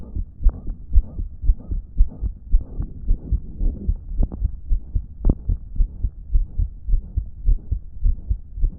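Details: Phone recording of a person with a damaged heart, on a day it wasn't pumping effectively: a rapid heartbeat, about 110 a minute, with a loud blowing whoosh filling the gaps between beats, a loud heart murmur.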